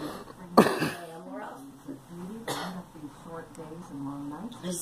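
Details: Girl coughing: two sharp coughs from a child, mixed with voiced sounds and vocalising in a small room.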